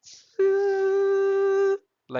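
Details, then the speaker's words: Imitated oxygen supply failure alarm of older classic anesthesia machines, sounding when oxygen pressure falls below 25 PSI: a steady, even whistle-like tone lasting about a second and a half. "But in old and classic machines like CE if the flow pressure falls below 25 PSI you will hear this whistle like"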